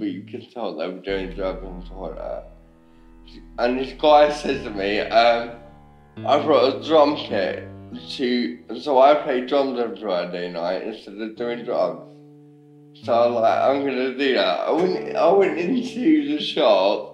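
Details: Ataxic dysarthria in a young adult man with ataxia, a rare degenerative cerebellar disease affecting speech, walking and swallowing.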